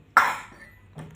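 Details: Young child who tried drinking coffee by himself coughs: a single sharp cough followed by a faint voice sound; a brief isolated cough.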